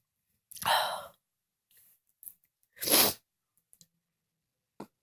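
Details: Two loud, forceful sneezes, each a sharp explosive burst of air, a few seconds apart in a quiet room.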